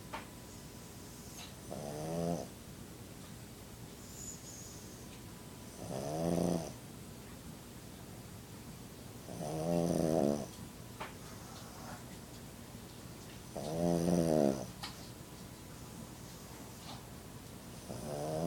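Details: Pug asleep and snoring: rhythmic rattling snores on each breath in, about 15 a minute, with quiet pauses between.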